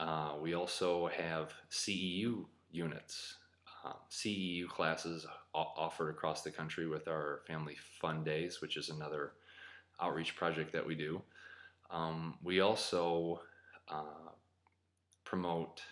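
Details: Adult man who describes himself as a person who stutters; real stuttering.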